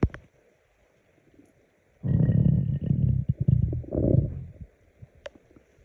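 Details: Person hungry and bored: loud low gurgling rumble lasting about two and a half seconds, with bubbling pops; ordinary hunger stomach growling (borborygmi).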